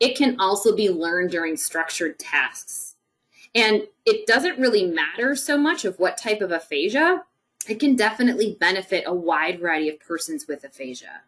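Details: Adult woman; normal speech.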